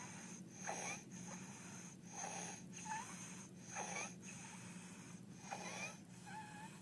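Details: Infant with laryngeal dyspnea: harsh, high-pitched noisy breaths repeating steadily, stridor from laryngeal obstruction.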